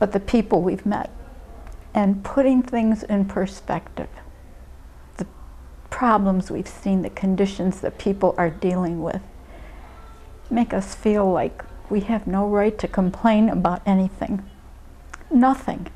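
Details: Adult woman speaking; ordinary speech.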